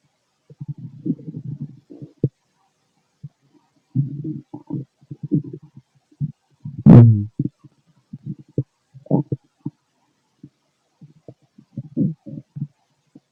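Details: Irregular low gurgles and rumbles with one louder gurgling burst from a male's stomach while digesting food; normal digestive bowel sounds (borborygmi).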